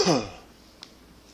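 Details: A single short, forceful, deliberately produced hard cough, fading quickly into a quiet room.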